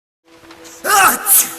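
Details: Sneeze, in a Covid-19 context: a short rising inhale followed by one sudden explosive burst of air and voice, a single sneeze, with a faint steady background tone.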